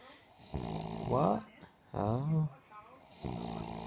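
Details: Woman who says she does not snore, recorded snoring: loud, rough rattling snores on each breath, some with a rising, groaning tone.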